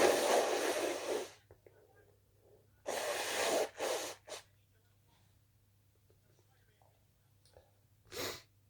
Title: Christmas sneezes